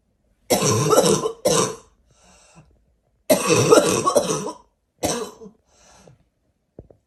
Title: Fall barking cough